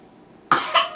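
Two quick harsh cough bursts from an adult after a brief quiet stretch.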